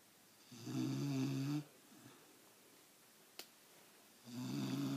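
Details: A sleeping black Labrador snoring with a steady, buzzing rumble on each in-breath and quiet pauses between breaths, in a small room.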